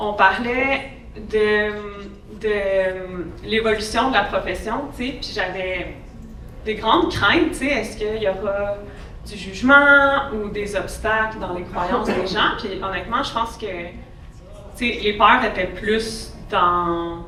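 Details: Adult woman who has stuttered since childhood, with speech therapy from about age 7 to 16; stuttering.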